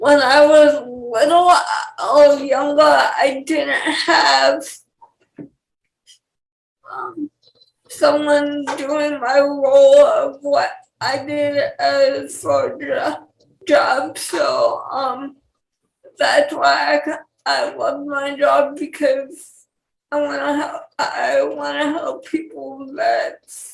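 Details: 28-year-old woman with cerebral palsy who has dysarthria.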